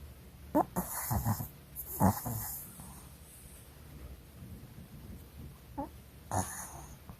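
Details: Sleeping dog snoring: irregular snorting, rattling breaths with short squeaky noises.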